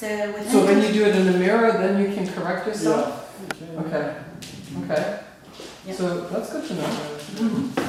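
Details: Adult speaker; ordinary speech.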